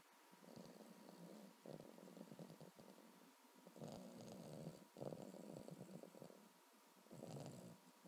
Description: My Boston terrier, Mustache, snoring.